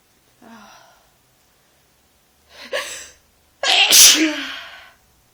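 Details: A soft breath and catch build to one loud, sharp induced sneeze from an adult with a lingering mild cold, feeling sneezy with a slightly sore throat.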